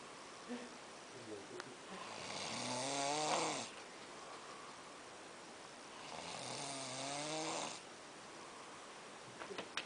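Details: A freelancer sleeping and snoring at Eurovision: two rattling, vibrating snores on inhalation, roughly 15 breaths a minute, with quiet pauses between.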